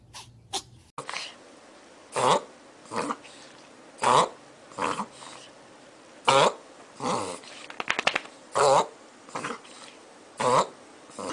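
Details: Dog with reverse sneezing (pharyngeal gag reflex), per a veterinarian: repeated loud, snorting inward gasps in a rapid rhythmic series.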